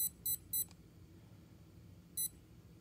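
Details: Short high electronic beeps, three quick then one after a pause, as buttons are pressed setting up a TENS 7000/inTENsity 7 for transcutaneous vagus nerve stimulation with an ear clip: 170 µs, 2 Hz, 2 minutes, normal mode. Quiet room noise.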